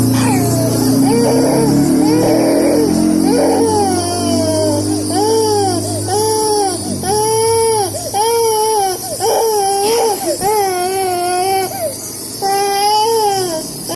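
Infant crying in repeated wailing bursts, with music playing in the background; crying of a baby sick with a cough and cold.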